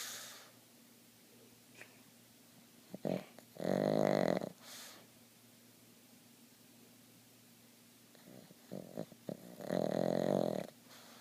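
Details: Snoring in a sleeping pug: loud rattling snores, two long noisy breaths with quiet pauses between, with puffs of air escaping the jowls.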